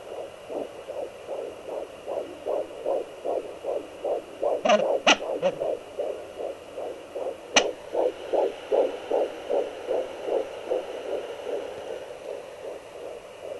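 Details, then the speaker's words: Fetal heartbeat on a home fetal Doppler at 13 weeks 5 days of pregnancy: rapid, regular whooshing near 158 a minute, broken by a few sharp thumps from the baby moving and kicking. "It must be moving. That has to be it moving, making those noises."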